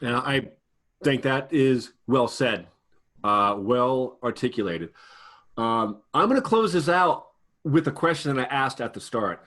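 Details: Adult male speaker; normal speech.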